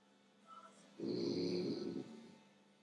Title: Snoring frenchie